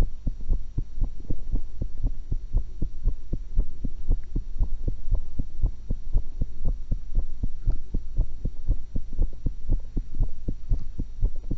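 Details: Own heart sounds recorded through a stethoscope while eating an apple and a cucumber: steady, quick low thumps at about 118 per minute with a faint hum; normal heart sounds.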